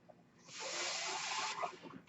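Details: Noise of a person's own mechanical ventilator heard while they talk, the ventilator running in the background during speech.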